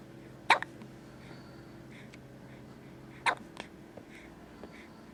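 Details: Infant hiccups: two short, sharp hiccup sounds about three seconds apart in a quiet room.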